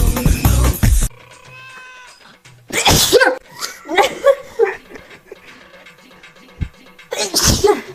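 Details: Woman having a sneezing fit: a run of forceful explosive sneezes with music playing in the background.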